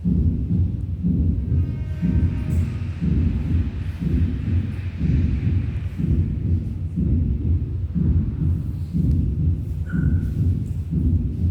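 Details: Fourth heart sound (S4) gallop: regular low heart sounds with an extra soft beat in diastole just before the first heart sound.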